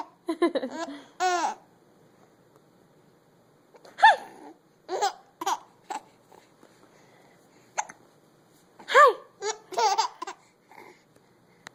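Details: Giggling and babbling, broken by short, sharp, catching sounds at irregular intervals, about a dozen a minute; hiccups between bouts of laughter.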